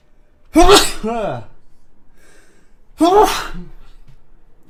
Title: Uzbek man sneezing